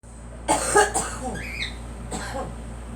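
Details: Girl coughing while pollen is said to be bad: two quick coughs, a pause, then another single cough; a dry, short cough.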